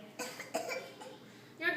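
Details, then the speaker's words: A child who is not sick gives two or three short, light, deliberate coughs and then a brief voiced sound, which an adult calls fake; a voluntary, fake cough. "you're not coughing than you you're cuing I don't hear it but that's not real that's fake"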